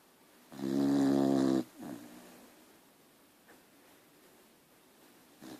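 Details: Dog snoring while asleep: one loud, rattling snore on an in-breath, then a softer trailing breath.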